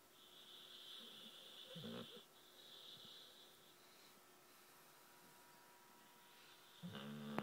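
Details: American Staffordshire Terrier asleep after a romp at the beach: faint, soft snoring breaths with a whistling tone and a louder snort near the end, against quiet room noise; snoring.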